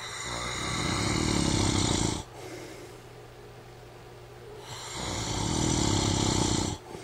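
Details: Husband snoring during sleep: loud, rough, rattling snores in long breaths with quiet gaps between them.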